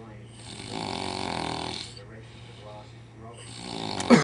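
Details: After a night of drinking in Las Vegas, an adult deliberately imitates a pig's snore with rough, rattling snore-like noises over a steady low hum; snoring imitation.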